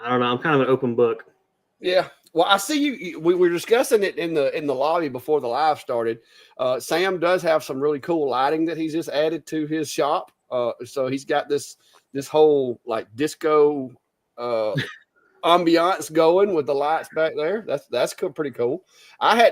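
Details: Adult male speaker; normal voice.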